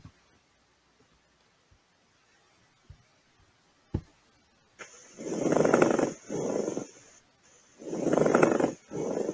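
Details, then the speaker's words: Pleural friction rub in a respiratory exam teaching recording: a few taps, then harsh grating noise each breath cycle, like creaking leather, most commonly heard over the lower axillary regions; main cause pleuritis, absent with pleural effusion. "parece um ranger entre duas peças de couro ou uma gripe forte entre as mãos"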